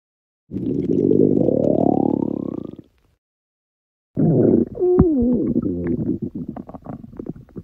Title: Stomach Growling